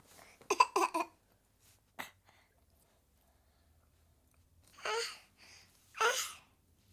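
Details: 7-month-old baby girl, feeling unwell, coughing: several short, harsh cough bursts with a brief voiced whimper between them.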